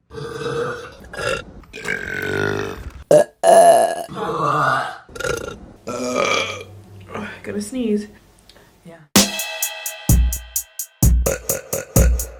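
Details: A run of loud, drawn-out voiced belches from women, some deep and rumbling, then sharp clicking sounds near the end; burping compilation.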